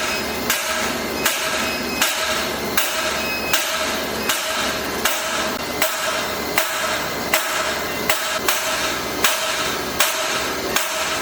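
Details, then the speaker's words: Sharp, regular cracking shocks at about 79 a minute over steady machine hum: shock wave lithotripsy (ESWL) under general anesthesia for an 11 mm kidney stone in an 11-month-old baby with pain and restlessness. "Eee bu taş neticesinde Şok dalga tedavisiyle Eee taş kırma uyguladık hastamıza ve genel anestezi altında"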